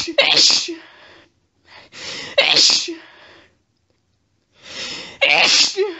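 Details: A female, sneezy all day, in bed after a petsat cat curled up under her chin set off an intense fit: three forceful, wet sneezes in quick succession, each a sharp intake and explosive burst.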